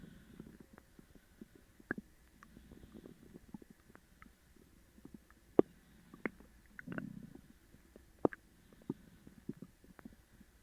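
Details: Loud borborygmi of an upset stomach after eating sugar-free gummies: scattered gurgles, squeaks and low rumbles from the belly.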